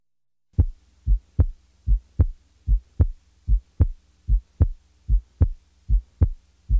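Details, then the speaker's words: Cardiac auscultation teaching example: a regular heartbeat about 75 a minute with a soft first heart sound and a louder second, giving an impression of going up the musical scale. "now listen to a softer first sound followed by a louder second sound"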